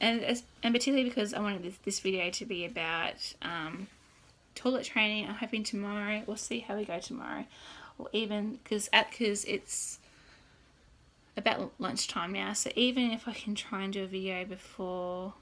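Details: Adult woman who has stuttered since birth (noticed at age 2–3, worse from school start), father also stutters, had speech therapy for a year or two; worse when tired, excited or scripted, particularly bad on this day; self-recorded vlog; stuttering.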